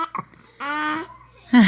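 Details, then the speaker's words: A 5-month-old baby boy's sharp little hiccups catch between brief voiced sounds and a squeal; infant hiccups. "What in the world kind of hiccup is"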